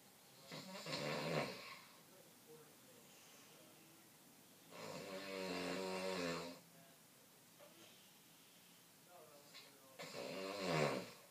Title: French snoring